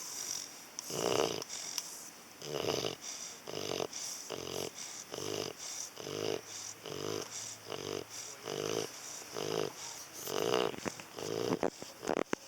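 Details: Sleeping dog snoring: rapid, rhythmic snorting snores, roughly one each second, with a fluttering nasal quality.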